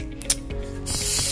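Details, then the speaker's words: Setting up Dräger Oxylog 3000 Plus gas-driven ventilator: a few mechanical clicks, then steady hiss of oxygen escaping at the wall outlet while the hose is tightened, normal. "sound is normal you'll heal the oxygen escaping from the wall let's keep tightening and the hissing will eventually stop"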